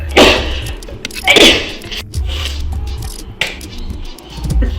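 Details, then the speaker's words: Two sharp sneeze bursts with background music from a person with severe seasonal allergies, worst May to August but still present in October. "if I don't see it cuz your eyes have to close every time you sneeze and your heart stops do you know that came [Music] in that did not make me sneeze all ground pepper nope a creole seasoning one time this did make me [Music] S"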